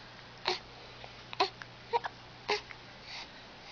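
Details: Smiling infant with hiccups: four short, abrupt voiced catches about a second apart.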